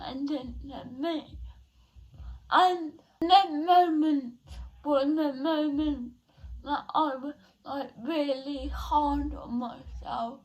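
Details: 17-year-old female with cerebral palsy since birth, diagnosed at 14 months, which she says affects her speech; speech therapy from an early age; dysarthria (cerebral palsy).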